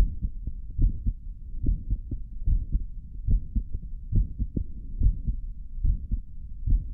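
Regular, low, thudding heartbeats at about 70 a minute after caffeine, with a faint hum underneath.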